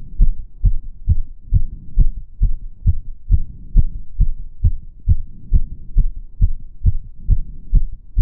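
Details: Own heart sounds during step-up exercise: fast regular low thumps about 136 per minute with faint movement rumble; exercise tachycardia.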